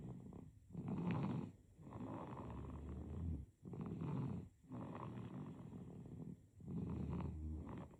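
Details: Sleeping baby with soft, low, rattling snores on each breath, about 20 breaths a minute; infant snoring.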